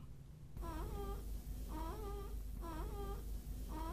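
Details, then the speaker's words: Short, voiced grunts with each breath out, repeating about once a second, in a child aged 2 months to 5 years: expiratory grunting, a severe respiratory distress warning sign needing immediate referral. "grunting sound when the child breathes out is a severe warning sign and the child should be referred immediately."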